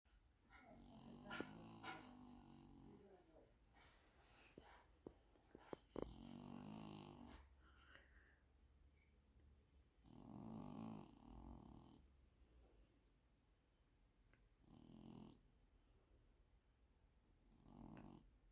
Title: snoring Hen